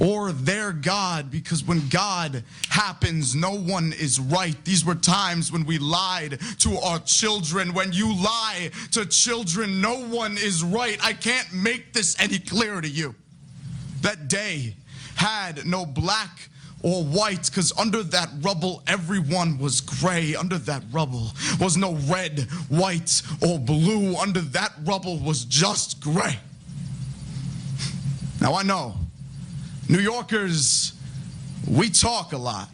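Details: Adult performing spoken-word poetry; typical speech.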